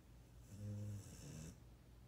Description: Listen to my sweet 16 year old dog-boy snoring.